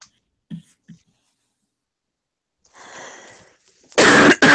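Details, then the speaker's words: Cough in an adult with sudden onset that day, painful, with reported shortness of breath. The patient blames 4 days without marijuana. Two faint throat sounds and a breathy exhale, then one loud, harsh, explosive cough. "Dude, this cough is like killing me. Holy shit. Yeah, that sounds bad, girl. Sounds bad."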